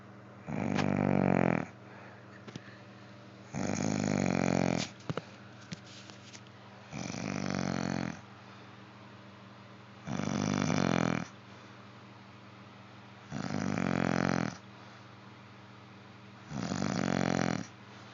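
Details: Steady dog snoring: loud, rumbling, rattly snores on each breath, about 20 breaths a minute, with quiet pauses between.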